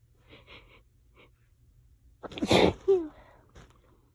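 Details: Allergy sneezing in a fit that lasted about 20 minutes: quick sharp breaths in, then one forceful sneeze and a squeaky gasp afterward.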